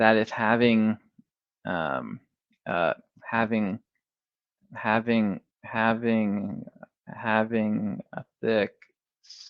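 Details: Adult who says they have had a stutter for 35 years, speaking on a stuttering podcast; stuttering.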